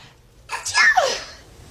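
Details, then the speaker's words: A brief breath in followed by one sharp, hissing sneeze burst, called a heavyweight sneeze; a single sneeze. "That's a heavyweight sneeze."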